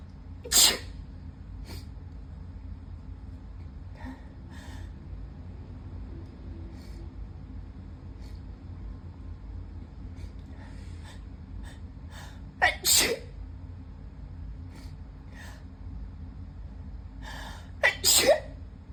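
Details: Adult sneezing fit: about five sharp sneezes in bursts, with soft sniffles in the quiet gaps between.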